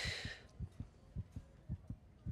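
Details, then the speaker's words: Fictional TV drama scene (Dead To Me, season 3, episode 6): rapid, regular soft thumps over a brief hiss, a fetal heartbeat on a monitor, heard by a woman who did not know she was pregnant after taking mushrooms. "That's not an echo. Then what is it? It's your baby's heartbeat."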